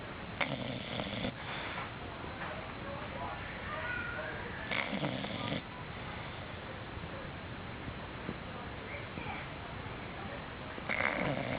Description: this is a video of a snoring dog sleeping on the couch